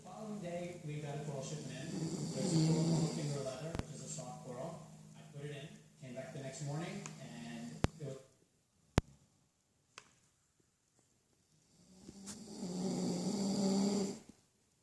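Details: Adult man supposedly "watching TV and not sleeping": low, rough rattling snores on breathing in, separated by quiet pauses, with a few sharp clicks in the room.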